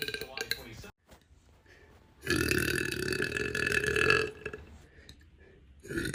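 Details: One long, loud, rumbling burp lasting about two seconds, with brief talk and noise before and after.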